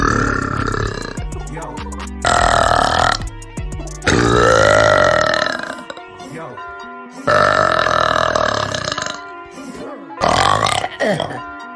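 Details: Girl burping: several long, loud, voiced burps, with music and some talking in the background.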